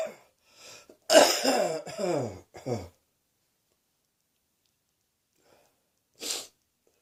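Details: Adult with a heavy cold and sore throat: a quick run of three harsh, voiced coughs, then one more cough after a pause.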